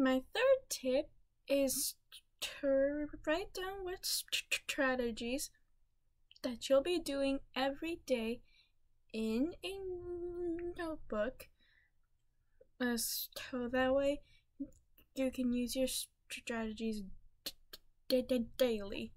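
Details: Stuttering in a female speaker, with word repetitions and fillers.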